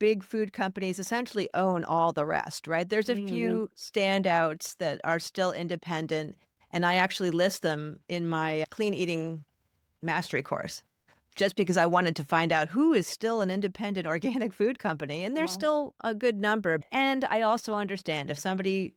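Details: Adult woman speaking; typical speech.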